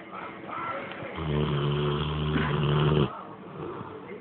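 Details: A single long, deep, buzzing rumble lasting about two seconds over noisy background; a loud snore.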